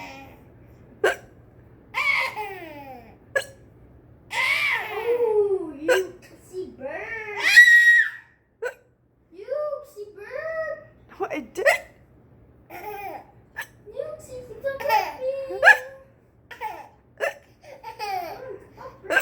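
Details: Baby giggling and babbling, repeatedly interrupted by short, sharp hiccups that the baby seems to find hilarious; ordinary infant hiccups.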